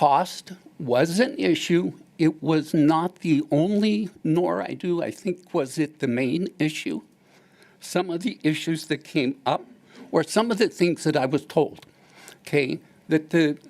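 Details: Vocal tremor in a man with essential tremor present since kindergarten and worsening with age, now affecting his voice; essential tremor (vocal tremor).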